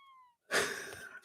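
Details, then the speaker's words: An adult wheezing, attributed by the speaker to humid weather: a brief high whistling tone falling in pitch, then a rough noisy breath. "I can tell you can tell it's humid out. I'm a wheezing."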